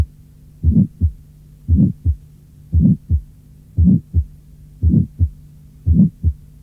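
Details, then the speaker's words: Innocent functional systolic murmur, heard between apex and sternum or along left sternal border rather than at apex, not holosystolic, lasting to mid-systole or slightly beyond, medium-pitched; audio from a 1981 cardiac auscultation teaching course. "Deuxièmement, ce souffle n’est pas holosystolique, mais se prolonge jusqu’au milieu de la systole ou un peu au-delà."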